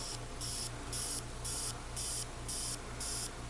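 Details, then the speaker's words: A portable EBL ultrasonic nebulizer running in pulse mode with cool air and no face mask: a steady low hum with a hissing spray switching on and off about twice a second. "Now as you can see, that's also the pulse with cool air."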